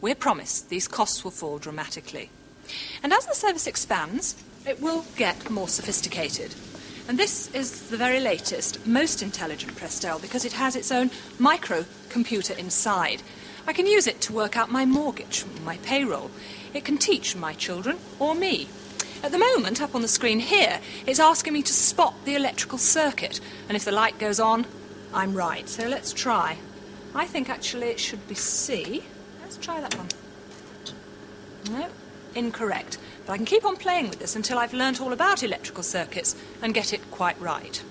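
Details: Adult female speaker; normal speech.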